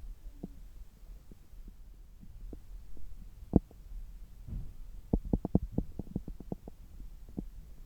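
Soft irregular gurgles and clicks, clustering in a burst of quick pops over a low hum, through a stethoscope. Active normal bowel sounds after eating.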